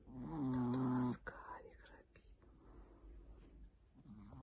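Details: Sleeping chihuahuas snoring: one loud, vibrating snore lasting about a second, then quiet breathing and low room noise; snoring in a small dog.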